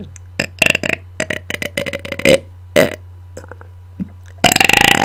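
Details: Deliberate burping on command into a microphone, sounds intense: a rapid run of short belches and burped sounds, then a longer loud burp at the end; burping.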